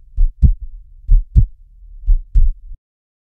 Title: Human Sound | Heartbeat Medium Speed